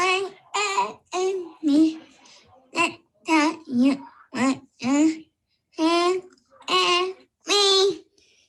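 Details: Girl with TANGO2 deficiency; speech difficulty with mild hypernasality.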